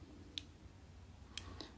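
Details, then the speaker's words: Insulin pump priming, with beeping and clicking while the insulin count runs: three small, sharp mechanical clicks in under two seconds. "could y'all hear it beeping or like the clicking so this is priming and when it's priming is basically like"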